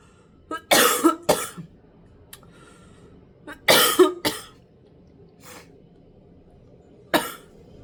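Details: Household background noise during an eating recording of braised chicken at home: several short, sharp coughs in brief clusters with quiet pauses between, in a quiet room; ordinary coughing.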